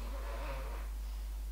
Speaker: entendez les filles et ronfler je vous précise plus maintenant mais je pense que vous avez l'habitude